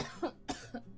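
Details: Three quick coughs in a row from a woman with a worsening cough, stuffy nose and itchy throat after inhaling powder while sorting goods; cough.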